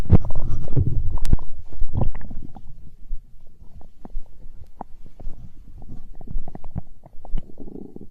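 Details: Hunger stomach growl in an ASMR recording: low gurgling rumbles and bubbling pops from the belly, loudest at first then fading (borborygmi).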